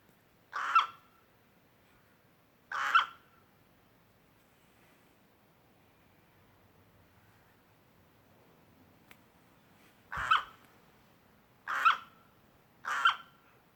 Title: Coughing Bird